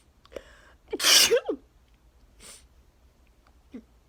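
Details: Person in a 34-sneeze sneezing fit with nose blowing, attributed to neighbors cutting grass: a sharp intake of breath, one loud explosive sneeze, then quieter sniffing.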